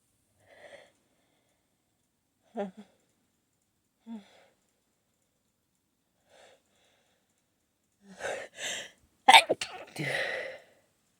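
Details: Several small stifled sneezes and catches from a person holding back sneezes triggered by a nose tickle, ending in a few louder sneeze bursts; sneezing.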